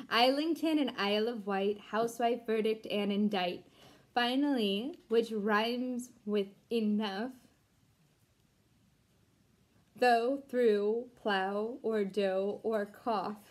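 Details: Deaf woman who cannot hear herself, reading an English poem aloud; deaf speech.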